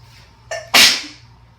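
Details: Person with a winter cold, congested and sick, with asthma: short breath in, then one sharp, forceful, explosive, messy congested sneeze fading over about half a second.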